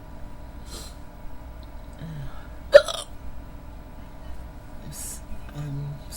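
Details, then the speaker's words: Young woman, possibly role-played, trying to fall asleep with hiccups on and off for about 15–20 minutes: a sharp, abrupt voiced hiccup against quiet room noise, with fainter breathy sounds around it. "I'm really trying to fall asleep but I can't can't do to these hiccups hiccups excuse me I've had them for about I've had them off and on for about 15 20. minutes"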